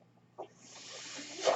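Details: Soft click then rising airy hiss of a podcaster's home mechanical ventilator delivering a breath during speech.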